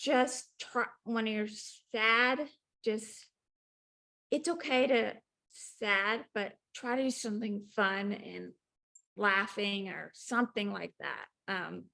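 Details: Woman with aphasia and apraxia of speech after a ruptured brain aneurysm; apraxia reportedly flares less when she is not nervous to talk.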